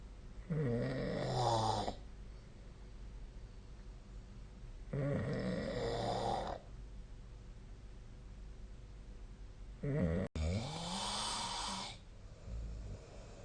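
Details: Adult snoring during sleep, recorded 2025-05-07 with the SnoreLab app: three rattling, throaty snores on in-breaths, about 13 a minute, with quiet out-breaths between.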